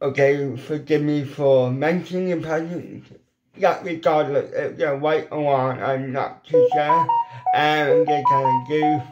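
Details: Adult man with ataxic cerebral palsy; weak lip muscles cannot form the shapes for certain letters; lifelong speech impediment; dysarthria.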